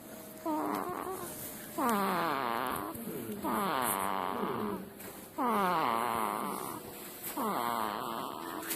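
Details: Snoring from a baby: repeated snores about every 1.5 to 2 seconds, each a rough, buzzy tone that falls in pitch.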